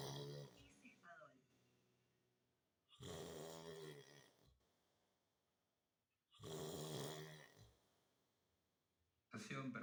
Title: RONQUIDO INSOPORTABLE